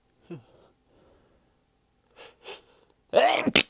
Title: quick sneeze clip